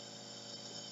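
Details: Steady mechanical hum and whir of a home nebulizer compressor running during a young child's 5–10 minute breathing treatment at home, switched on as the child settles down to color and stay calm.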